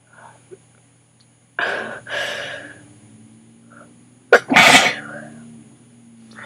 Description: I had an sneezing attack and was able to get some on video. My nose and throat hurt so bad.